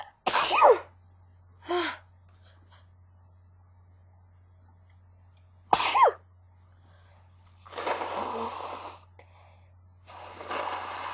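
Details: A person who is sick has a sneezing fit: two loud, abrupt sneezes with a sharp 'choo', a softer sneeze-like burst between them, then noisy sniffing. The fit includes false starts and nose-blowing.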